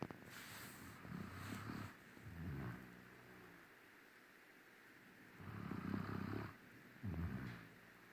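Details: Low, fluttering, rumbling snores during sleep in two pairs, each a breath in and out, with a quiet pause between.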